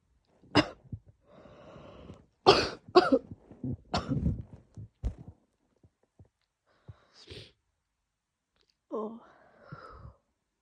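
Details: A woman with a cold and a sore throat and lungs, her sneezing thought to be triggered by the cold and strong laundry detergent: several forceful, explosive bursts with breathy intakes between them, then a softer burst; a harsh sneezing fit.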